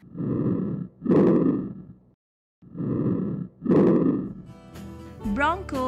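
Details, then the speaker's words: Normal vesicular breath sounds from auscultation of the lung periphery; soft, low rustling breaths in repeated cycles, contrasted with bronchial sounds normally heard over the trachea and upper sternum. "vesicular breath sounds are heard on the periphery bronchial breath sounds are heard normally over the trachea the upper sternum and paraspinal areas of the upper thoracic vertebrae"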